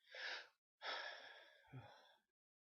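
A sharp indrawn breath followed by a forceful airy burst trailing into a voiced exhale: a single sneeze.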